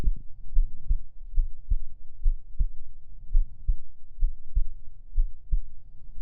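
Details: Steady, regular paired heart thumps at about 65 beats a minute, a normal resting heartbeat, recorded as heartbeat ASMR.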